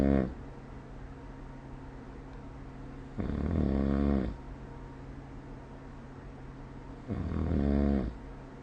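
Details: Snoring during sleep recorded with the SnoreLab app: two loud, rumbling snores about four seconds apart, each about a second long, over steady background hum.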